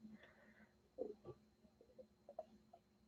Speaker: you hear my stomach making noises my apologies